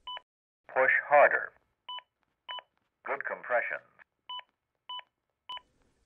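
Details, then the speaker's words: Zoll AED Plus Real CPR Help: two-tone metronome beeps at compression pace, with voice prompts saying "push harder" when compressions are shallower than two inches and "good compressions" once deeper, during CPR. "if your compressions fall short of two inches the aed will see this and let you know every 15 seconds until you reach the target depth when your compressions become deeper than two inches the aed will again let you know"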